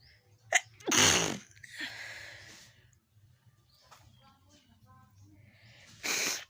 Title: Nose Nose sneezing//challenge video 😁